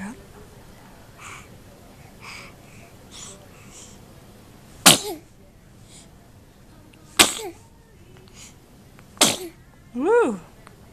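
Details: Infant girl sneezing: three sharp, explosive sneezes a few seconds apart, followed by a brief baby cry or vocal sound, with quiet talk in a room.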